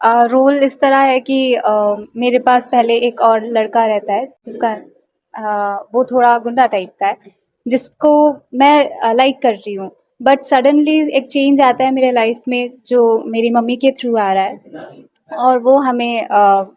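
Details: Adult woman speaking; normal voice.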